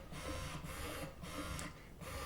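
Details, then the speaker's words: Ameda Finesse electric breast pump turned to a slower speed with suction raised after letdown: rhythmic mechanical whirring and pulsing with a low motor hum throughout; electric breast pump running. "and you can turn this, it slows it down. You hear that? So it move the suction up a little bit."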